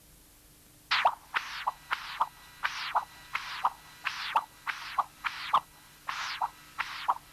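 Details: Continuous-wave Doppler of tricuspid regurgitation, apical transducer; loud high-pitched systolic whoosh followed by a brief softer diastolic sound, repeating quickly; TR velocity 1.8 m/s, early diastolic 2 m/s; congenital severe tricuspid stenosis, valve area 0.9 cm², enlarged right atrium.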